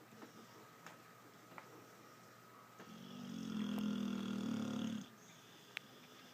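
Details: Pit bull dog (Spencer) asleep in a quiet room: one long, steady, low buzzing snore lasting about two seconds; snoring.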